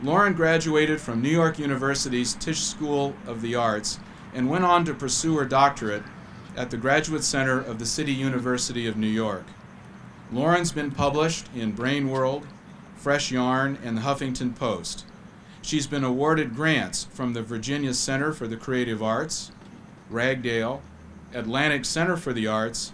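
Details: Adult male speaker; normal fluent speech.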